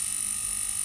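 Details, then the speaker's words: Restored vintage Japanese dental lathe switched to its last, highest speed setting; a steady high-pitched motor whine with even hiss, running smoothly with no vibration, knocking or odd noises. "now the third one okay now to the last feed so now we've on some high speed mode if you can see there"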